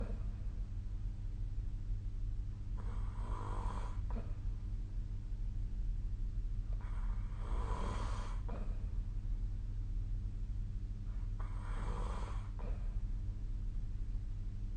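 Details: Sleep snoring recorded with SnoreLab snoring app: three rough, loud snores about every four seconds, about 14 a minute, over a steady low hum.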